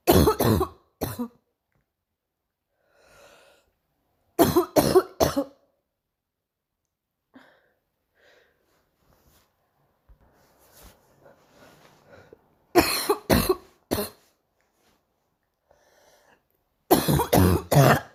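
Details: Morning cough: four bouts of short, harsh coughs, two to four in quick succession, with quiet breathing between.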